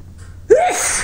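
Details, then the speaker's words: A quick in-breath, then a single sharp, voiced sneeze rising then falling in pitch, in a bout set off by a tickling nose; the person reports a sore throat and watering eyes from sneezing. "Oh, my throat is hurting from all the sneezing. It's so powerful."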